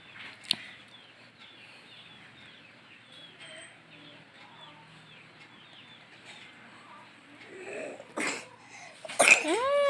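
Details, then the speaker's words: Young child (dedek) coughing after waking from sleep, then vomiting. "dedeknya batuk dedeknya Lagi batuk ini oh Hah muntah dirinya muntah"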